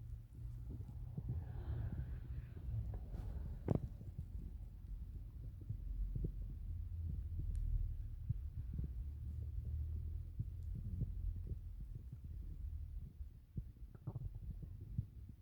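Low, irregular gurgling and rumbling with occasional bubbly pops; ordinary stomach growling from gas and fluid moving through the gut.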